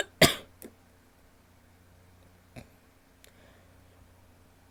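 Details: A single loud, loose wet cough from a female, followed by a few faint softer sounds in a quiet room.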